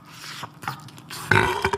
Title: Boys Burps Compilation